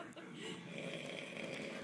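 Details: Sleeping adult man, an uncle: loud, rough, rattling breathing noise, heavy snoring.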